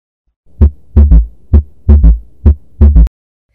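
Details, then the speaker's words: Third heart sound (S3 gallop): a soft, low-pitched extra thud just after S2 in a regular heartbeat near 65 a minute, best heard at the apex with the stethoscope bell; may be physiological or pathological. "an s3 is a sound that occurs after the diastole s2 dupe sound and its slow pitch that best hurt at apex of heart by bill of stesoscope"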